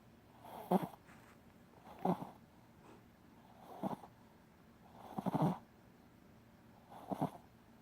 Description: Shitzu maxy sleeping and he is in deep sleep snoring loud cute